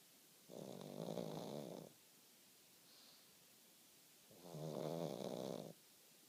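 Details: Sleeping pug: two long, buzzy, fluttering snores about four seconds apart, roughly 16 breaths a minute, with quiet between; snoring in a flat-faced dog.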